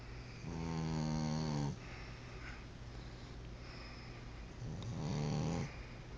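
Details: Two long, low, rumbling snores, each about a second long, separated by quiet breathing: snoring.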